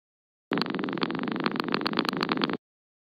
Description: LEMG, example for activity